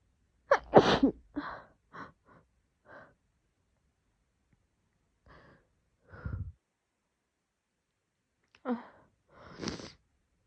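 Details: Several messy, wet, forceful sneezes from a female, each preceded by a sharp inward breath, separated by quiet pauses.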